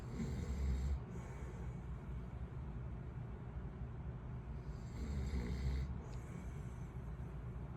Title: My dad snoring while on vacation for exactly 5 minutes and 27 seconds